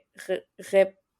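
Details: Speech-language pathologist who herself stutters demonstrating repetitions of sounds or parts of words typical of stuttering, in contrast to normal disfluencies; stuttering: part-word (syllable) repetition.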